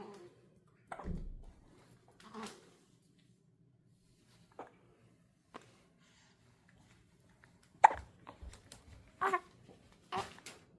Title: D+30 신생아 딸꾹질 소리😜 #baby #아기 The cutest hiccup sounds